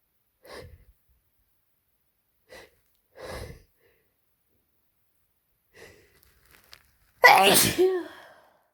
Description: Cold update: My throat is getting so sore from how much I've been sneezing and I'm gonna run out of tissues before tomorrow at this rate.